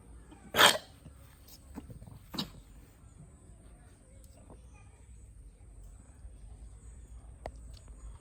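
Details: Goat with fever gives two short, sharp coughs a couple of seconds apart over a faint steady hiss: recurrent cough.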